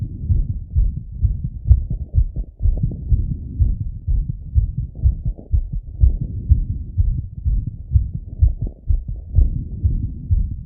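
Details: Male self-auscultating his heart with a stethoscope after a workout set: fast, strong, regular lub-dub at roughly 120 beats a minute; normal heart sounds after exercise.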